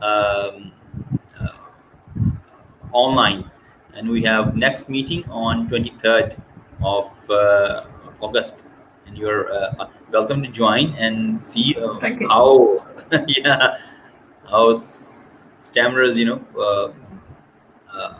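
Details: Stuttering in a woman from Scotland who describes having had a speech condition.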